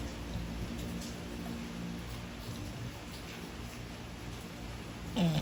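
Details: English bulldog sleeping, said to snore too much: steady low rough breathing noise ending in a louder snort; heavy snoring.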